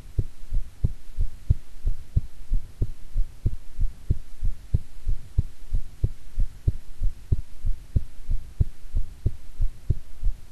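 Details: Own heartbeat recorded at length, with stomach growling midway while digesting a grilled atka mackerel set meal: regular low thumps at about 94 a minute, close and clear; normal heartbeat.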